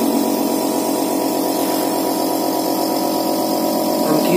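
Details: Medical suction pump running during a biomedical equipment demo: a steady loud mechanical hum with fast rhythmic pulsing.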